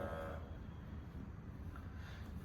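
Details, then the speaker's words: A talking arm blood pressure monitor, with speech output, checking the speaker's mother: low steady buzzing hum of the pump motor inflating the cuff. Reading given afterwards: 168/102, pulse 82, moderate hypertension. "तो again मैं press करूंगा तो आप ये देखिए एक vibration सा सुन रहे हैं यह आपको बता रहा है कि मैं इसका मोटर चल रहा है"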